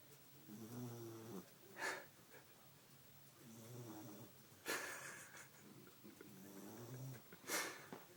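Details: Dog snoring while asleep in a recliner: rhythmic, rattling breaths, each ending in a sharp snorting burst, about three cycles in eight seconds.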